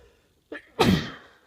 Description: Springtime sneezes and snottiness.